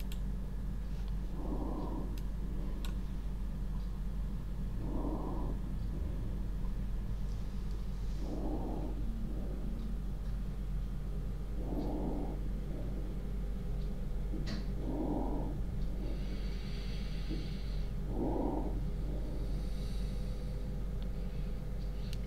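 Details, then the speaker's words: Normal vesicular breath sounds demonstrated during a pulmonary examination lecture: soft, regular rustling breaths about 16 per minute, heard over most lung fields, recorded with the microphone placed close for better quality. "okay let let's hear normal breathe sounds please"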